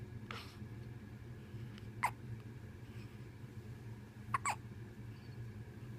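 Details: Newborn baby, 4 days old, hiccuping while asleep: soft, brief catch-like sounds recurring irregularly over steady room hum; hiccups.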